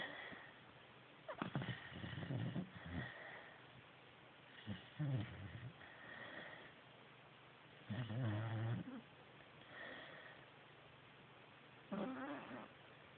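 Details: Soft, irregular snuffling snores a few seconds apart from a sleeping 4-month-old Greater Swiss Mountain Dog puppy, still snoring, with low room noise.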